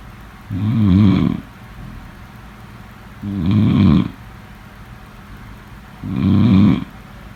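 Three rhythmic, rattling snores on the breath in, about 22 a minute, with quiet breathing out between them; ordinary loud snoring.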